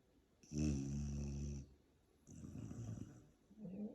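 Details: A deep, buzzing snore on the in-breath, then a softer rattling out-breath, from a sleeping silver Labrador; snoring.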